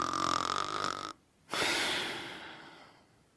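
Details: Someone sleeping and snoring: a harsh, whistling inward snore, a brief pause, then a long hissing breath out; ordinary snoring.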